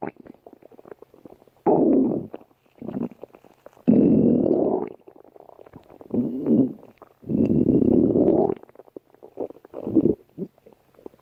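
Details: Irregular bursts of low gurgling and rumbling with short pauses; stomach growling (borborygmi) from gas and fluid moving through the gut.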